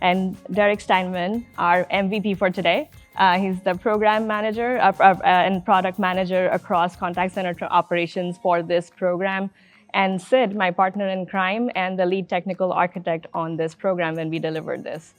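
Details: Adult speaker; Normal voice.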